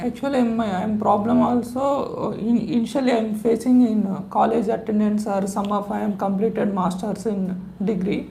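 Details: 30-year-old male with a high-pitched, feminine voice persisting since puberty, recorded before voice therapy, after earlier treatments including a thread procedure; finding: puberphonia.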